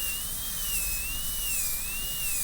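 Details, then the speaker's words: Simulated class II MO amalgam preparation on a typodont tooth #3 using a 330 and 245 bur: steady high-pitched whine of a high-speed dental handpiece, pitch wavering under load while cutting straight in on the lingual side toward the proximal box. "Then I'll cut straight in from there."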